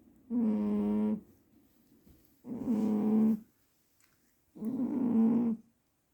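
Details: Three loud, rough, buzzing snores during deep sleep, each about a second long, with quiet pauses between them; snoring.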